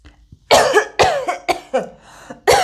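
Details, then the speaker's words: Five sharp, harsh cough bursts in quick succession, deliberately imitated by an adult to demonstrate coughing; a simulated typical cough. "estás tosiendo o te usaste sí estoy tosiendo o es como tienes tos y también es una reacción común cuando uno está enfermo"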